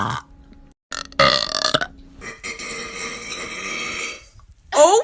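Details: Woman's long drawn-out voiced belch lasting a couple of seconds, with shorter burps and brief talk around it; burping.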